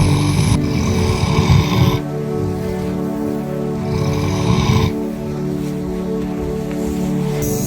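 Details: Sleeper during a hot stone massage: two rough, rumbling inhaled snores about four seconds apart over soft, steady background music; ordinary snoring.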